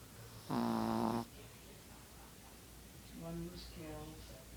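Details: Sound-sleeping puppy snoring: one loud snore followed by two softer snoring breaths, with room noise in the background.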